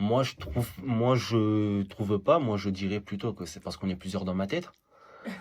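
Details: Man who stutters; stuttering.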